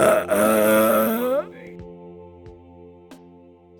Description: Here's a burping compilation with a Special friend :)